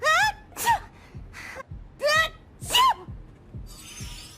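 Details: Acted cartoon sneezes from the animated pony Coco Pommel, sick with a terrible cold. A voice actor performs several rising gasps, each ending in a sharp, misty spray sneeze.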